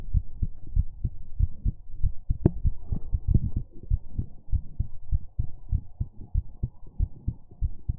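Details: Steady, deep heartbeat thumps at roughly 97 a minute with a faint background hum, recorded for ASMR; normal heartbeat.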